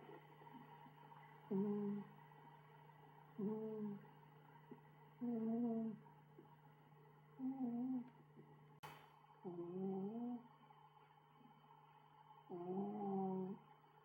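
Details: Six soft, tonal snores about every two seconds, some rising in pitch, over steady room hum from a sleeping cat; owner suspects the cat may be developing obstructive sleep apnea.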